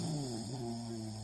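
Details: Man sleeping and snoring, annoying the person beside him who must work in the morning: a low, rumbling, buzzing breath with a steady tone.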